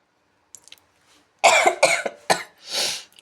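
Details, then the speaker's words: Adult with a cold and cough, whose voice is affected, coughs while making chutney: cough. "దగ్గు కూడా బాగా వస్తుంది."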